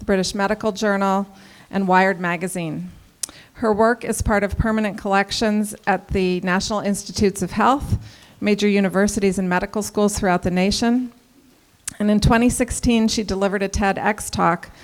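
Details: Adult woman speaking; ordinary speech.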